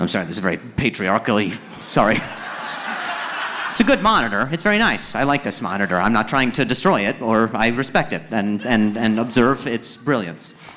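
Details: Acquired neurological stuttering in an adult male who began stuttering at age 20 after a softball struck his throat, with initial loss of speech; finding: stuttering.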